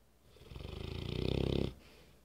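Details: Loud, rattling snore building over one inhalation then stopping, deep vibrating breathing from an English Mastiff named Remington; owner says he snores even when awake and louder asleep; snoring.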